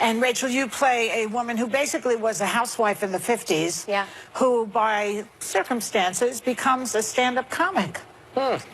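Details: Adult woman speaking; Normal speech.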